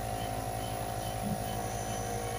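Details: Steady mechanical hum of a grandmother's nebulizer compressor running while a child, McKenzie, uses it and is encouraged, with room noise.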